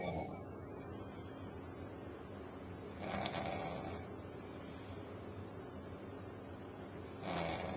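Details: Adult husband asleep on the couch at 6:30 pm, very tired after working over 90 hours that week, who denies snoring: rough, noisy snores about four seconds apart over steady room hiss.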